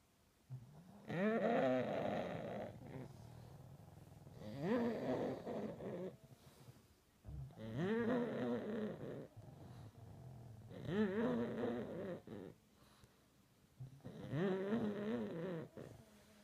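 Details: Sleeping pug gives rhythmic, rattling, grunting breaths about every three seconds, roughly 19 a minute, in a quiet room; snoring from a flat-faced dog.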